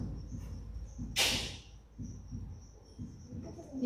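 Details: Faint, regular low heartbeat thumps under hiss and brief noise bursts, played in a physiology lecture on the cardiac cycle; normal heart sounds.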